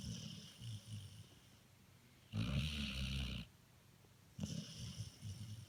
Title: Snoring dog